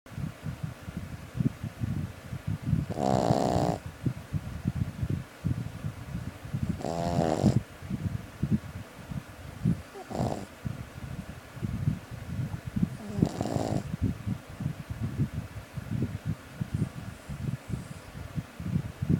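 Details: Puppy snoring: four rough, rattling snores at slow, steady intervals over quiet background noise. Ordinary snoring.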